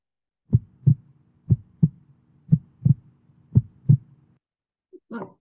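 Four regular lub-dub heartbeats at about 60 a minute, showing the normal first and second heart sounds.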